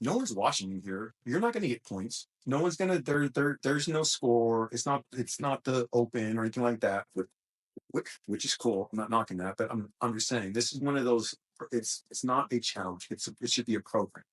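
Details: Adult male host with a self-described small speech impediment, a stutter, which he links to his mind always moving fast since childhood; stuttering.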